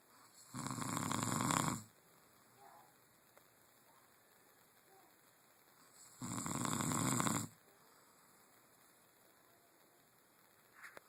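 Two long, loud, rattling snores on breathing in, about five seconds apart, with quiet between; snoring.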